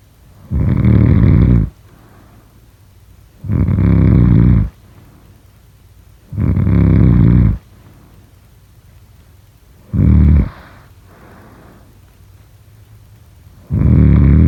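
Loud, rumbling inhaled snores, about 20 a minute, with quiet breathing between; heavy snoring.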